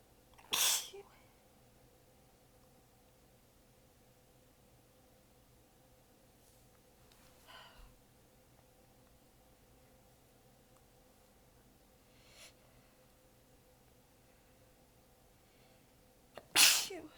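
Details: Tired, prolonged sneezing fit; sneezer exhausted with sore abs, partly biting sneezes back: several sneezes over a quiet stretch, some weak and partly stifled, with a sharper sneeze at the end.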